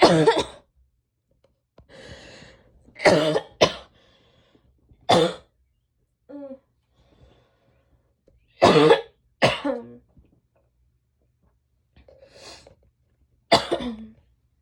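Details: An adult woman gives about seven sharp coughs, single and paired, with audible breaths between them.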